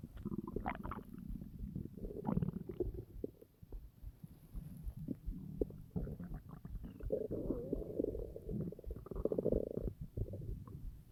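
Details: Adult lying on side partly on belly, hungry: long low gurgling, churning rumbles with bubbling pops; stomach growling, ordinary hunger bowel sounds.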